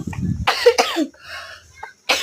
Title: drama pergi ke warung tapi malah batuk maffanya wkwkwkwk😂👋🏻🙏🏻